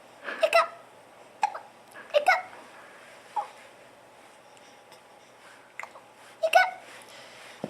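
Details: Brief, sharp, voiced catches recur every second or two, some closely paired, over quiet room noise; hiccups.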